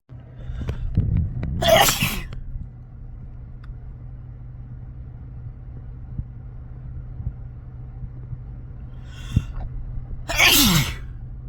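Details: Induced sneezes from a compilation of some restrained, some into tissues but mostly normal: two sharp, explosive sneezes about nine seconds apart over a steady low room hum; sneezes.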